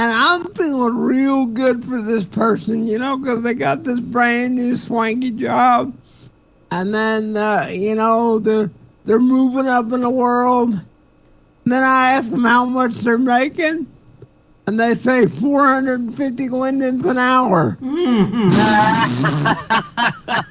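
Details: Adult man with cerebral palsy, which he states is the cause of his speech, performing live comedy in voice chat; dysarthria (cerebral palsy).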